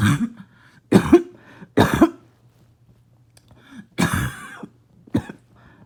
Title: Barking Cough #3